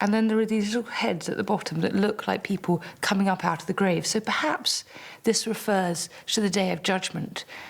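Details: Adult woman narrating; normal speech.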